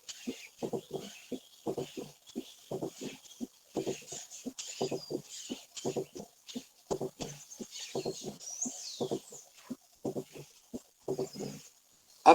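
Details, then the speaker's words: Atrial septal defect with a large shunt, recorded at the 4th intercostal space just left of the sternum: heart sounds with a low diastolic rumbling murmur along the left sternal border, like mitral stenosis but more medial. "en pacientes con cortocircuitos más grandes se ausculta un soplo díaz tónico retumbante a lo largo del borde izquierdo del esternón parecido al soplos de estenosis mitral sólo que su localización es más medial"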